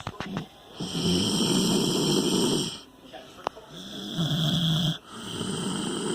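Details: Snoring contest between a dog and a teenager: two long, loud, rumbling breath sounds with a fluttering rasp, separated by a quiet pause; heavy snoring.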